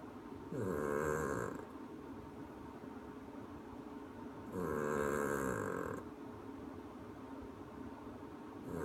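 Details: Regular rasping, vibrating snores about every four seconds, roughly 15 breaths a minute, with quiet breathing between; steady snoring in sleep.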